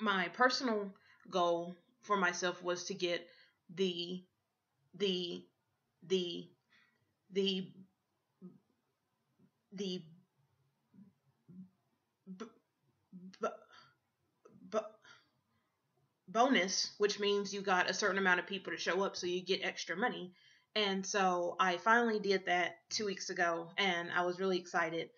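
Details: Adult woman who stutters; repetitions and blocks on word onsets; stuttering.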